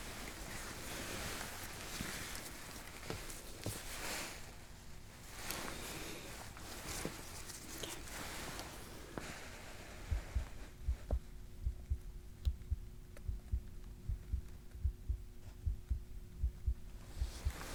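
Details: In a simulated roleplay cardiac exam, fabric rustles as the gown is opened, then steady soft heartbeats sound at about 75–80 a minute in a regular rhythm. These are normal heart sounds heard over the chest.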